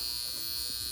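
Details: Steady high-pitched electric buzz like a bug zapper from a portable high-frequency skincare wand with a gas-filled glass electrode, running at its highest setting while applied to the face.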